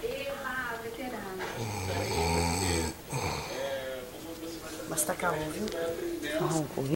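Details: Loud, rough snoring with a deep, throaty rattle mixed with voice-like sounds: snoring.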